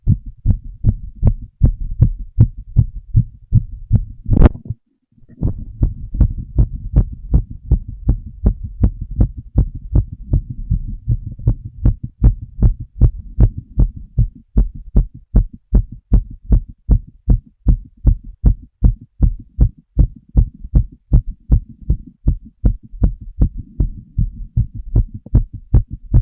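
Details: Regular lub-dub normal heart sounds, about 80 beats a minute, from full heart auscultation of a woman while she smokes a cigarette, with a brief gap.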